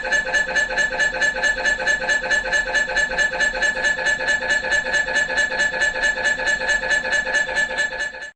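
Loud, rapid, regular electronic knocking at about 136 a minute with a steady buzzing tone, typical MRI scanner noise during an imaging sequence.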